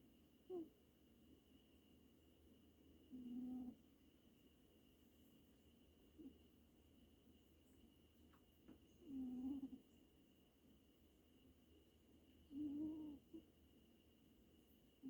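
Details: Pet named Hero wheezing: short, low, whistling squeaks with some breaths, consistent with narrowed airways.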